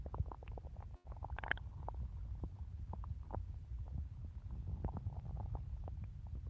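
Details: Woman's stomach growling while hungry, eager to eat a cookie: continuous low gurgling rumble with scattered soft pops and clicks from gas and fluid moving through the gut.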